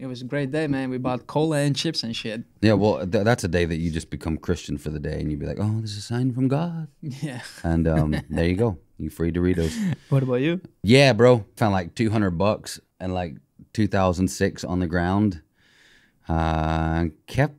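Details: Adult men talking; ordinary conversational speech.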